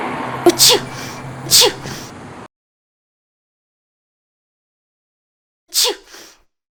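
Two quick sharp sneezes, a pause of silence, then a third sneeze; ordinary sneezing.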